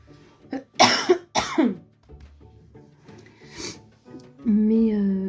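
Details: Two harsh cough bursts from an adult woman who says she has been sick for four days and apologizes for her voice, then quiet room sound and soft music in the background: cough.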